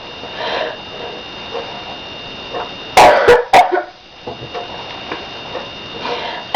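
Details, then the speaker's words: Three sharp, forceful coughs made on purpose by a person with hiccups, who sucks in air until they cough as a hiccup remedy, over steady room noise with a faint hum: cough. "so I heard from my fan teacher once that you're supposed to suck in air until you make yourself cough"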